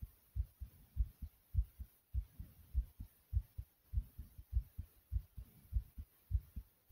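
Strong, regular lub-dub heartbeat, about 100 beats a minute, with faint hiss behind; forceful, slightly fast heartbeat.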